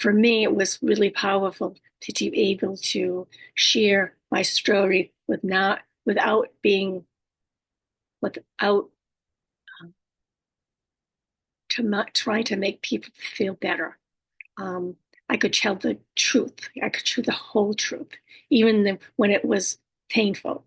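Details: Adult woman with speech disorders after a stroke, whose communication can sometimes be hard to understand: aphasia with apraxia of speech and dysarthria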